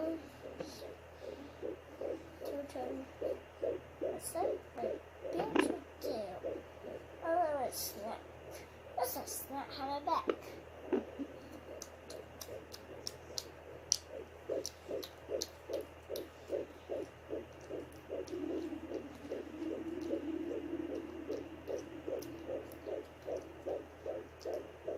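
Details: Fetal heartbeat at 15 weeks of pregnancy, recorded by the mother on a 3 MHz home Doppler: fast, regular whooshing pulses at about 150 beats a minute, with a child briefly talking.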